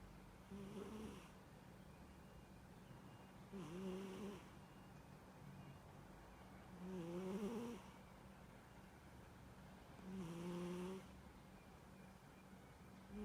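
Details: Sleeping cat: soft, regular snores with a slight tonal buzz, about 18 breaths a minute; snoring.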